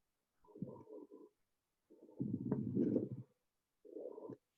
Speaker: okay so crackles happen when we have water in the lungs some kind of fluid not maybe not water some type of fluid in the lung whether that's from pneumonia or an infection um or whatever so it's kind of a low pitched bubbly sound